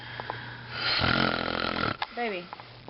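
One long, loud, rattling snore on an in-breath, followed by a brief mumbled sound in a quiet room; snoring.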